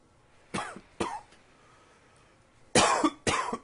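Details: Cough in spring: two pairs of short, harsh coughs in a quiet room, four coughs in all.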